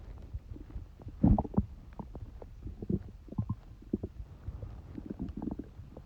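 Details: Bowel sounds (borborygmi) in a person with a cold: low gurgling and bubbling belly rumbles, irregular squelches, with a louder burst near the start.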